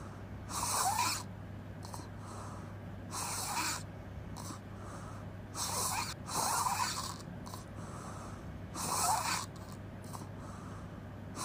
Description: Open mouth crazy snoring noise